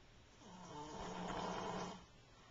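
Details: A single rough, rattling snore rising and fading over about one and a half seconds in a quiet room, recorded with a Flip Video camcorder: snoring.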